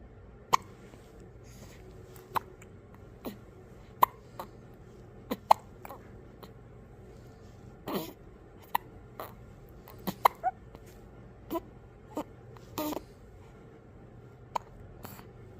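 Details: Faint, sharp little hiccup clicks recurring every second or two against quiet room noise from a newborn baby; infant hiccups.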